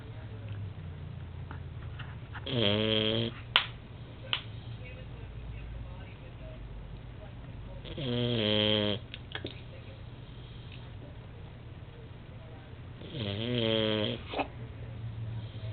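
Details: Pet dog snoring: three buzzing, vibrating snores at a steady pace, about 11 breaths a minute, over a low room hum; ordinary snoring.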